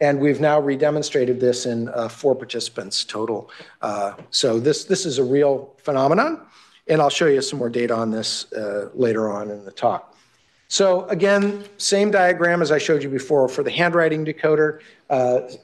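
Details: Adult male speaker; normal speech.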